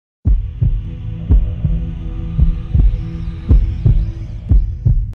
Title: Heartbeat